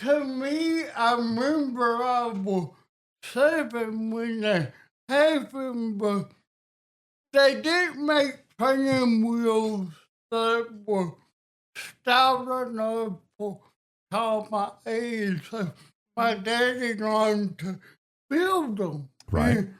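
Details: Adult man with cerebral palsy and a speech impediment since childhood, which he only became aware of at age 12; he says listeners often struggle to understand him: dysarthria (cerebral palsy).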